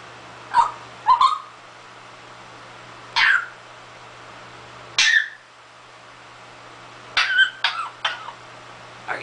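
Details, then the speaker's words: Short raspy cough-like bursts over a steady room hum from a pet parrot that has learned to imitate coughing: an imitated cough, not a sign of illness. "you sick? Are you okay? You sure did a lot of coughing."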